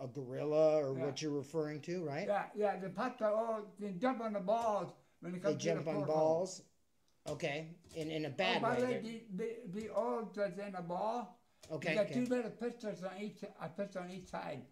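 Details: Adult man with a speech impediment, partially deaf in both left and right ears; speech impairment associated with hearing loss.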